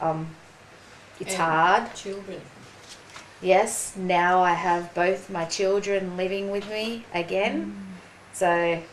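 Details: Woman, 43, with aphasia after a ruptured brain aneurysm and stroke 4.5 years earlier; slower speech and word-finding difficulty; aphasia.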